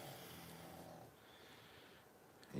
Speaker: hear the pug snoring she's right behind you guys let's change the camera maybe you'll see her yeah there she is she's even dreaming look at her little paws are twitching